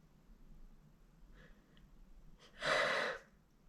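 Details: A person feeling a little under the weather gives one sneeze: quiet breathing, then a soft catch and a forceful, wet, spraying burst.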